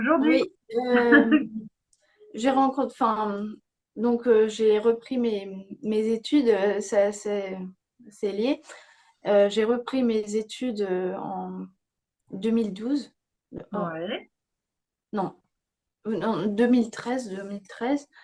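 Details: Young woman with aphasia after a stroke at age 22; she reports severely affected speech and grammar, slowed word retrieval, and ongoing word-finding difficulty, self-corrections and repetitions. Aphasia after stroke.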